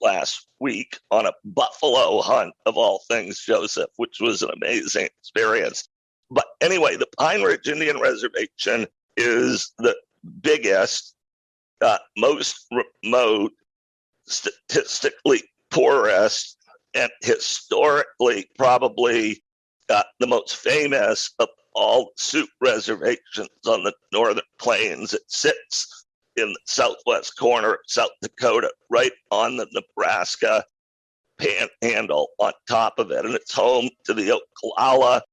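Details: Adult male with a rare neurological voice disorder acquired in 2012 that made speaking difficult; partial voice loss over a roughly 10-year course, now speaking without pain though still audibly affected: spasmodic dysphonia.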